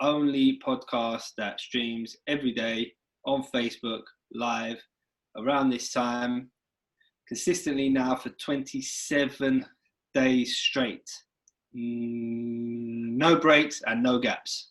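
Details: Stuttering in an adult male who lives with a persistent stutter and experiences blocks in speaking situations; stuttering.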